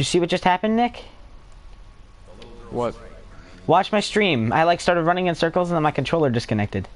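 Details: Adult male; typical speech.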